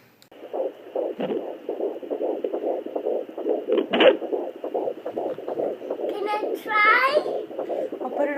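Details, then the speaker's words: Fast, regular whooshing fetal heartbeat on a home fetal Doppler, about 160 a minute, with occasional thumps from the baby kicking at the Doppler. "so that's like super exciting so this is what baby heartbeat sounds like right now"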